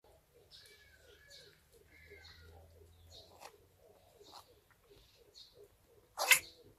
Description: It seems that animals are just like humans when it comes to sneezing. They look funny and kinda cute, as they feel a sneeze coming on